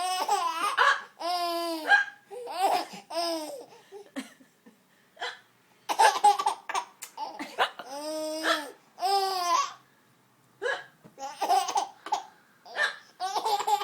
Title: nothing funnier than a hiccup